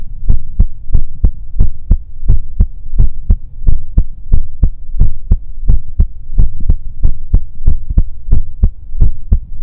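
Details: Soft, steady lub-dub heartbeat pairs at about 88 beats a minute over a faint hum, recorded with a 3Dio binaural microphone as an ASMR sleep-aid of a sleeping character's chest; calm normal heartbeat.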